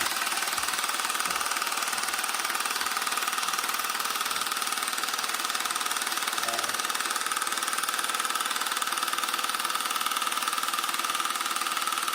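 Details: Steady, rapid mechanical tapping, about three pulses a second, with a constant hiss: a handheld low-intensity shockwave device for erectile dysfunction firing as a man uses it on himself, reporting no pain.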